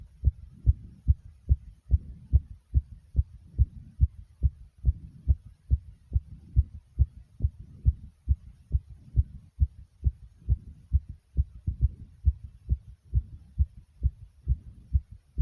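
Fast, steady, deep thumping heartbeat, an ordinary quickened pulse after exercise.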